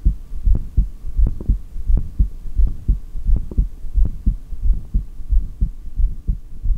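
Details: Steady low thumping heartbeat at about 87 beats a minute, heard through a stethoscope during a long voluntary breath-hold.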